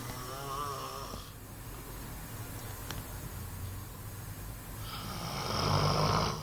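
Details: Rough, rattling snore on the breath in from a sleeping boy, with quieter pauses between breaths and steady room hum; snoring.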